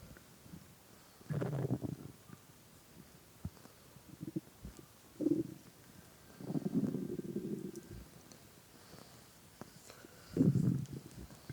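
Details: Adult man's hungry stomach growling, recorded with a listener lying on his belly while he played a game: irregular low gurgling rumbles in bursts with quiet spells between; ordinary borborygmi.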